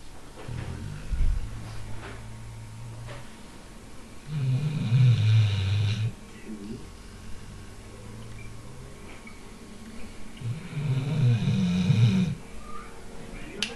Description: A lot of noise from a sleeping dog and try to sleep yourself listen to this ;-)